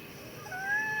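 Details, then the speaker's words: Adult male with COPD in acute exacerbation, breathing in and out deeply on instruction while the lungs are auscultated; wheezing is heard in the lungs. "ini suara wheezing tuh. Oh, suara mengi di parunya."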